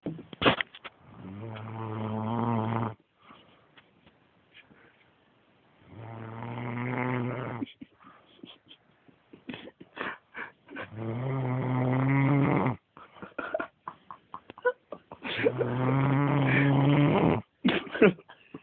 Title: snoring